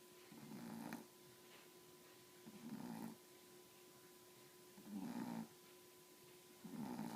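Rhythmic nasal snores from a sleeping dog, about four in seven seconds, over a steady electrical hum.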